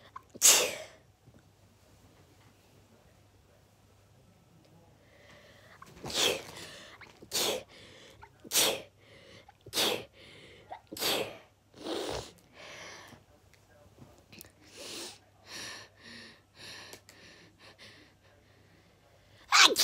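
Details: Repeated sneezing fit of about a dozen sharp, hissing sneezes in quick succession.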